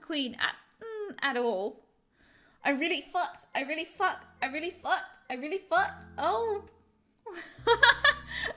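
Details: Vocal tics with coprolalia and repetition in a woman with Tourette's, continuing after she stopped suppressing her tics for 16 minutes; she reports the build-up feeling has not gone away.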